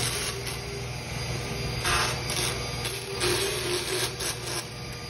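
Steady motor hum with intermittent grinding rasping bursts as a power float files a horse's teeth.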